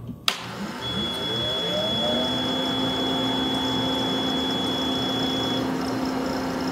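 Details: A Caire Companion 5 stationary oxygen concentrator (up to 5 L/min) is powered on by its switch: a click, then the motor winds up to a steady hum with a high whine and faint rhythmic pulsing; normal running.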